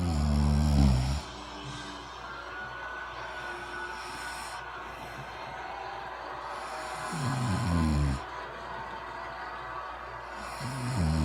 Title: Snoring mom